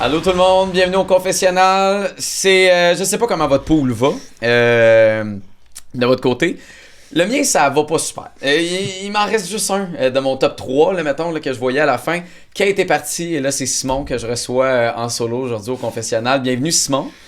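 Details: Adult male speaker; typical speech.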